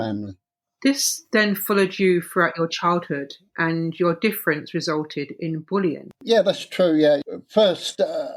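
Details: Adult speakers in an interview; conversational speech.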